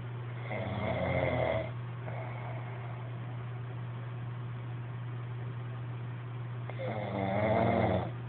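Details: Person asleep: two long, rough, rumbling snores about five seconds apart over a steady low hum; snoring.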